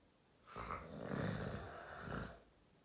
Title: Does my bf snore too much? 🤣